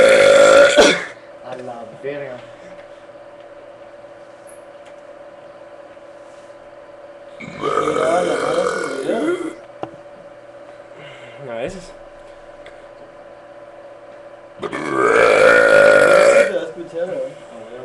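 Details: Three loud, drawn-out burps with quiet gaps between, from the person recording and two friends; ordinary belching.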